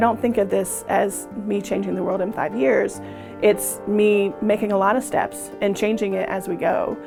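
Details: Adult speaker; normal speech.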